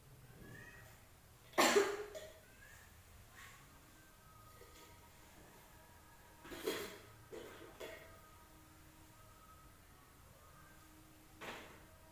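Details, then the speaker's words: Nurse-guided deep breathing and effective cough for a patient having difficulty coughing up secretions, after drinking warm water: quiet breaths, then a strong single cough and softer coughs; patient then feels relieved. Nursing skills demonstration. "Baik Bu, saya sudah melakukan tindakan nafas dalam dan batuk efektif."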